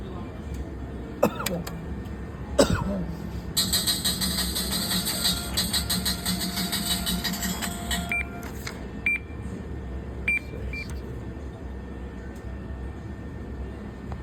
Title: The wheel of fortune ( Jackson ) my favorite slot ( sorry for the guy coughing 🤣